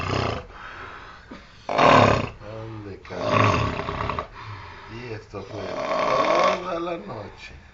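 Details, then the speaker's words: Snoring from a young man asleep at 8 a.m. on holiday, who resumed snoring right after lying back down: loud, rattling, growling, howl-like snores on each breath, a few seconds apart. "Prepárense a escucharlo. Está más de cerca. El bebé no ronca. Aúlla."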